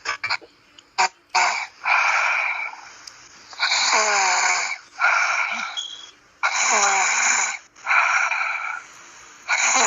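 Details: Loud, rough, hissing breaths during sleep at about 21 a minute, some with a whistling edge, in a quiet room; snoring.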